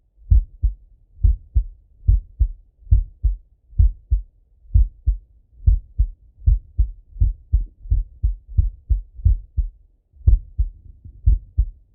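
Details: Heart sounds of a male lying on his left side, heard through a stethoscope: steady lub-dub, about 70 beats a minute, regular rhythm.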